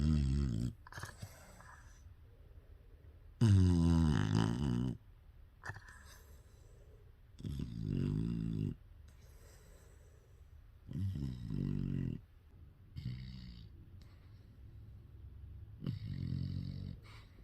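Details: An English bulldog snoring: loud, rough, low rattling snores about every three to four seconds with quiet pauses between; dog snoring.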